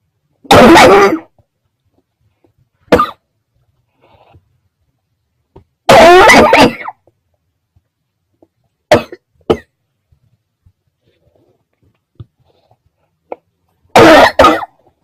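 About six separate, forceful coughs, some in pairs, with silent pauses between them, in a quiet room.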